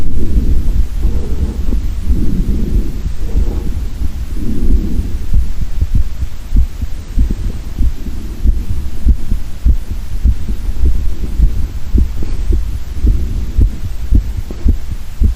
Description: A man uses a stethoscope linked to a microphone to record his heart beat sounds.